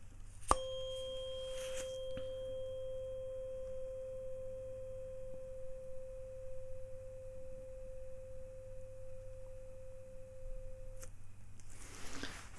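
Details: Tuning fork tone during a simulated ASMR roleplay cranial nerve exam, Rinne test: fork placed behind the ear, repeated on each side; normal response reported.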